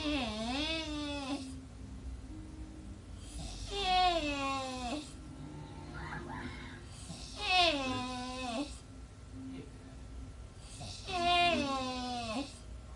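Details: Adult man snoring with four loud, high-pitched, whimpering voiced sounds about 16 a minute, falling in pitch and resembling an infant's cry; unusual snoring.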